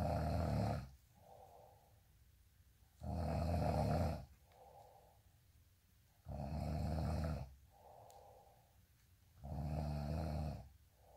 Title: day in life snoring asmr sound 227